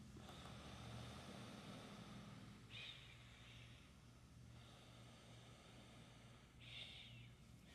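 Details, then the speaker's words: Steady soft rush of CPAP air at pressure 12 through a nasal pillow mask in a demo, with a gentle diffuse hiss on each exhalation through the vent and no leak whistle. "Remember, I'm running at a 12 here, so if there's any leaks, you'd probably hear it. No leaks at all."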